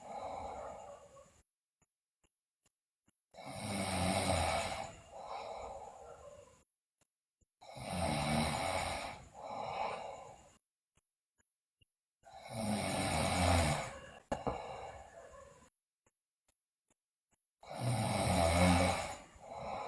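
Loud, rough snoring on each breath in, with quieter breaths out, about 12 breaths a minute.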